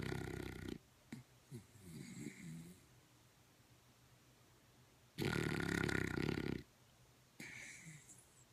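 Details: Loud, rough, rattling snores on the in-breath, with quiet pauses between breaths; snoring.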